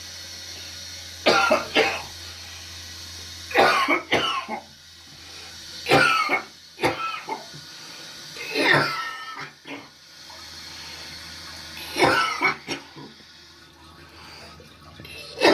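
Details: Adult with a draining infection, recently sent home with a dressing, gives repeated harsh coughs, some in pairs, about six bouts over fifteen seconds.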